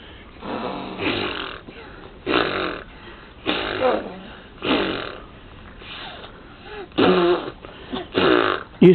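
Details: Grandfather ("Pop Pop") snoring during sleep: loud, rasping snores roughly every second or two with snorting breaths between; heavy snoring.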